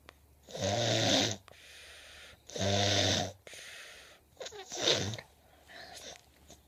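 Three loud, rough inhaled snores, about 30 a minute, separated by quieter exhales. Ordinary sleep snoring, not sneezing.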